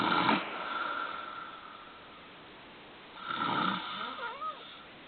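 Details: Adult man asleep snoring: two harsh, rasping snores about three seconds apart with a quiet pause between; adult snoring.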